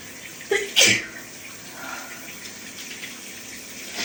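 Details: Allergies flaring after outdoor yard work, sneezing repeatedly in the shower: one sharp sneeze with a brief lead-in over steady running shower water.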